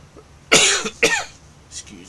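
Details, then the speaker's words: Adult man's cough during a racing-game stream while recovering from illness, saying he feels a little better but still has a bit of a cough. "I'm feeling a little bit better today. Feeling a little bit better today. Uh, I still got a bit of a cough as"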